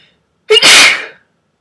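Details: A single breathy sneeze: a short intake, then a loud airy burst fading within about a second; sneeze.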